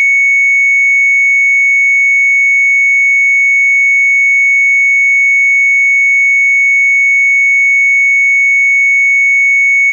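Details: Sound-effects library recording of an EKG heart monitor flatline: a single steady, high-pitched tone held without a break, signalling no heartbeat (asystole alarm).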